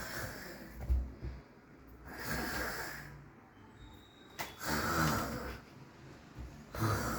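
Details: Mother of the household snoring while her golden retriever comes to check on her: rumbling, rattly snores on slow breaths with quieter gaps and faint room noise.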